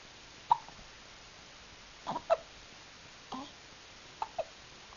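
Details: Soft, abrupt voiced catches in a quiet room, about six in five seconds at uneven gaps; hiccups.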